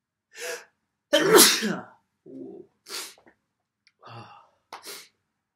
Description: me inducing a few sneezes and blowing my nose at the end on the first day of December.